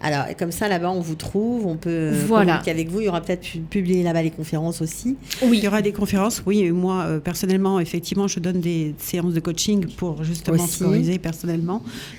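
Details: Adult speaker; no speech disorder.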